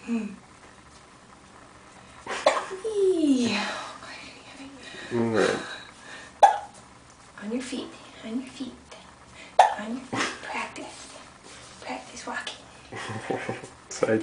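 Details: Hiccups in a 9-week-old baby being bounced and walked by an adult: brief, sharp catches of breath recurring every few seconds between baby noises and adult chatter.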